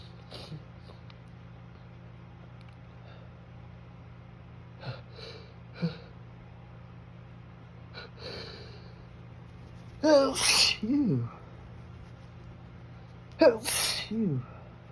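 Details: Sneezing deliberately triggered by sniffing perfume in a person with allergies: several quick sniffs and catching breaths, then two loud, explosive sneezes.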